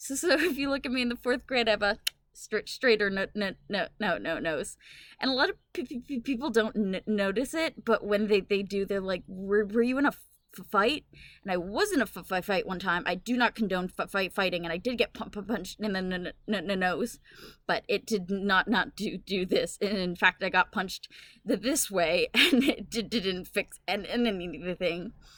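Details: Woman with Tourette syndrome whose vocal tics interrupt her speech, with echolalia she says she cannot control; vocal tics with repetition (echolalia/palilalia).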